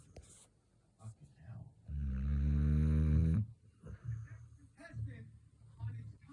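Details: Snoring, either a Labrador retriever or her owner: a loud, rough, rattling snore of about one and a half seconds between quieter snuffling breaths.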